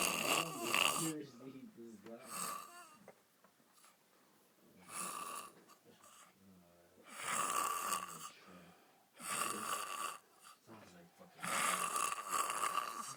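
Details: Loud snoring from a sleeper called a panda: rough, rattling snores recur in bursts during sleep, separated by quiet pauses.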